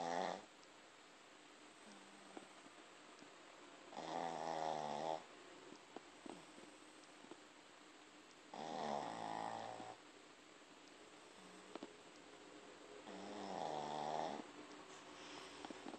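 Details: A male snoring during an afternoon nap on his spot of the couch: slow, regular rattling snores on each in-breath, about 13 a minute, with quiet pauses between.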